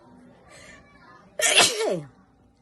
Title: Wide Nose Allergy Sneezes Philippines.